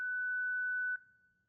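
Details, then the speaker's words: Disarm tone of a Zenix monitor defibrillator after charging, heard when the red disarm key is selected during a hospital instructional demonstration; defibrillator disarm tone. "To disarm the Zenix Monitor Defibrillator at any time once it has been charged, select the red disarm key located on the right side of the defibrillation dashboard."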